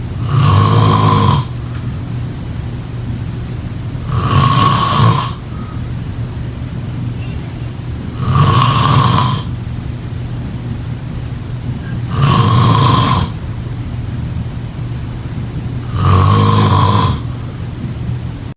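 Five loud, rattling snores at a steady pace of about 15 per minute during sleep.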